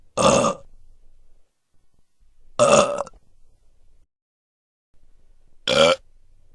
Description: These are the belches or burps sound effects collection.